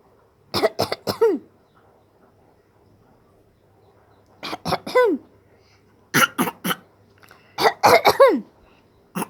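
Short bursts of cough-like sounds in clusters with brief voiced squeals; a 7-month-old imitating a cough, a normal developmental behaviour.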